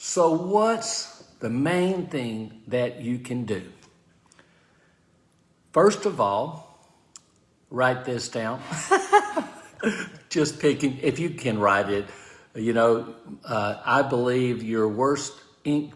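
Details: Aphasia following stroke in an adult man, speaking live.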